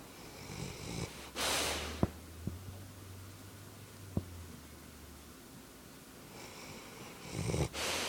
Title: Wilma Snoring